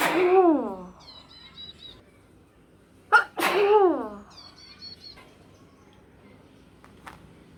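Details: Sneezing challenge with an ear bud: two loud voiced sneezes a few seconds apart, each a sharp burst ending in a falling cry; birds chirp.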